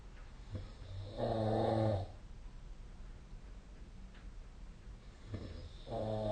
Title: 🐽 本日のイビキ / Snoring Sleep Sound 2025/05/10